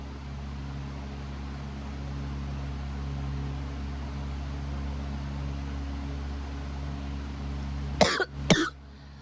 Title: Cough is keeping me awake